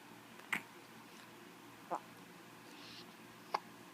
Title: Those dang hiccups again